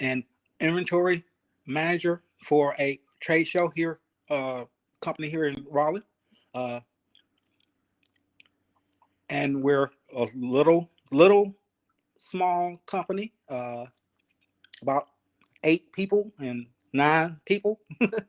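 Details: 52-year-old man, 3 years after an ischemic stroke. He returned to work three weeks after it, unable to talk, read or spell, and attends an aphasia project; aphasia with ongoing word-finding difficulty.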